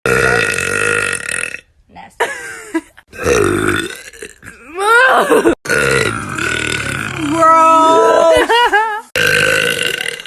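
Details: Burp compilation: a run of loud, long, voiced burps from different people, with brief talk between them; burping.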